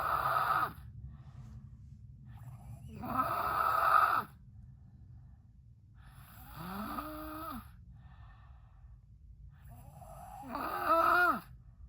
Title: Loud snoring for Dr review